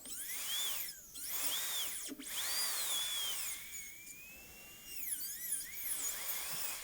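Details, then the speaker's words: High-speed dental handpiece cutting tooth #18 (lower molar) on a typodont in a simulation lab during gold onlay preparation, defining a mesially moved buccal groove: high-pitched drill whine rising and falling with suction hiss. "but we do need to define this new buccal groove that's now kind of moved mesially a little bit and a little bit more here"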